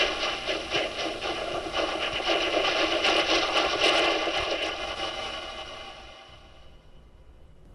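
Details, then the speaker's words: Simulation of music (The Nutcracker) as heard through a bare-bones basic cochlear implant: harsh, hissy, buzzing pulses with no clear tune or pitch, fading out. "10 to 20 25% of implant users are able to enjoy music you recognize that that's from The Nutcracker but unfortunately not everybody so now I'm going to play this is just Bare Bones cier implant"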